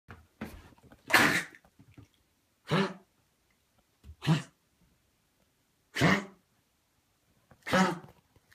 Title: Coughing